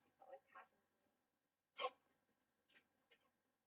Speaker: Ugh, God, I hate hiccups. Oh my God, my hiccups are gone.